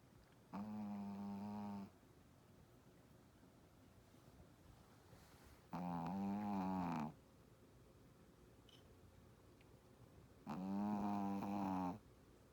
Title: Can your shihtzu snore 😴 like this.. lol..